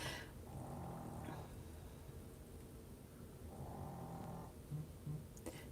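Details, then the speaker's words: Sleeping dog snoring in the background, two long, low rumbling breaths against quiet room noise; she had been snoring before and is snoring again; snoring. "hear the doggy in the background snoring. See, she's back to snoring."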